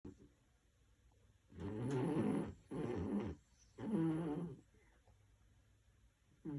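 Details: Corgi dog snoring during sleep: three loud, rattling breaths in close succession, each about a second long.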